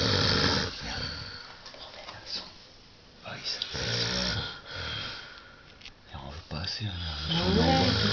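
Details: Man snoring after an evening of heavy vodka-orange drinking: irregular, rough, rattling snores with hissing noise and nearby voices; loud snoring.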